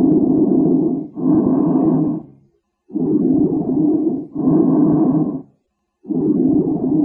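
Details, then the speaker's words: Loud, hollow, harsh bronchial breathing with a clear pause between inspiration and the longer expiration (ratio 1:2); heard normally over manubrium or spine C7–T3; bronchial breathing. "finally lined up is the most important finding bronchial breathing and this is how it sounds"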